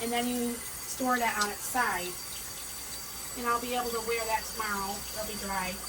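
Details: Adult woman with a tracheostomy speaking with her trach cap on; tracheostomy speech with trach cap.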